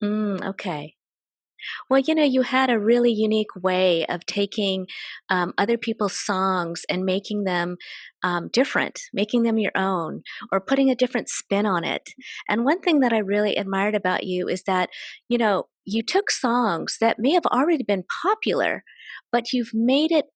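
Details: Adult woman; typical speech.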